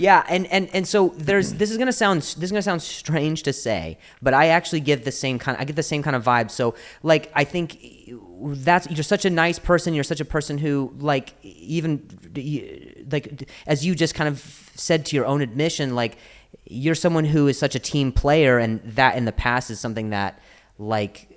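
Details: Stuttering in an adult male comedian known for his stutter, in spontaneous speech with word and phrase repetitions.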